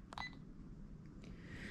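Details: Short electronic keypad beep from a Sigma Spectrum infusion pump as IV normal saline is selected and confirmed during programming, over faint room noise; normal operating tone.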